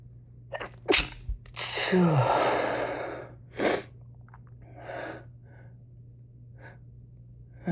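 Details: Sick person, week-long possible cold with chills, sore bones, sore throat, congestion, sneezing for days: quick sharp intake, one loud forceful sneeze, long trailing exhale, a few small sniffs; sneezing.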